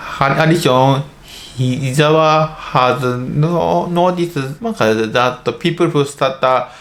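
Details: Adult male medical doctor in Japan who stutters; stuttering (childhood-onset fluency disorder) is a developmental disorder of speech fluency.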